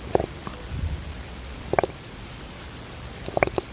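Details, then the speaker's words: Harmless, normal infant throat rattle from pooled saliva, mucus or milk the baby cannot yet swallow well, heard more often during sleep: brief clusters of wet popping and crackling. "Halak na ito ay karaniwang dahil sa naipong laway mucus o gatas sa lalamunan na hindi agad na lulon ni baby dahil hindi pa siya magaling lumulon"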